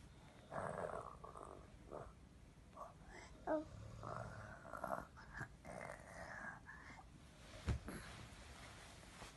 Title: Em bé bắt chước Papa ngáy/baby imitates Papa’s snoring